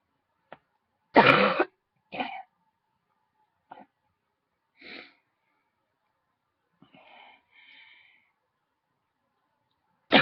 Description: There was this huge tickle in my throat then I kept going for a while lol